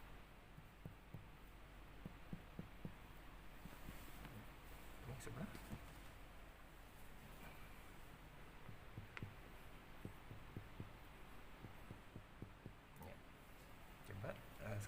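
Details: Child during pediatric physical examination, chest percussion: resonant chest percussion note.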